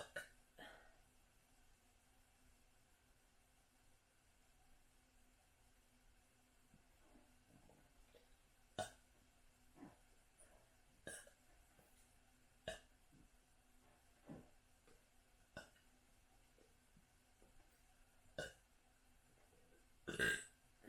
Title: Hiccup Burps | Gotta Burp to Survive